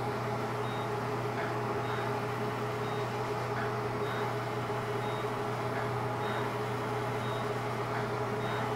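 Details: Fractional CO2 laser (DOT therapy) resurfacing of an adult woman's neck: steady machine hum with short, regular high beeps about once a second as pulses fire; the patient says it hurts but is fine.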